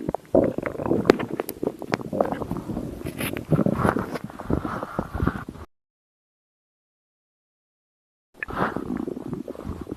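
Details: Stomach growling: low gurgling, rumbling bowel sounds in bursts.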